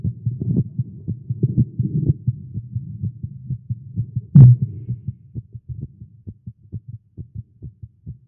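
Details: Male heartbeat while exercising after caffeine, recorded during a live stream: rapid thumping about 110 a minute through muffled noise; fast heartbeat.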